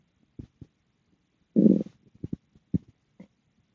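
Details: Short gurgles and a louder low growl from the stomach after eating dinner; ordinary digestive bowel sounds.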